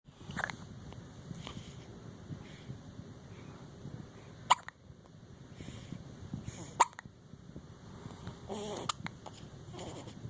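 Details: Late-night hiccups around 11pm: two sharp, abrupt hiccup sounds a couple of seconds apart, with quiet breathing and faint background voices between them.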